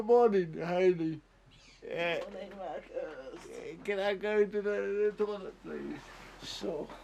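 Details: 32-year-old man born with cerebral palsy, dependent on 24-hour care; slurred speech, reportedly worse when he is tired: dysarthria (cerebral palsy).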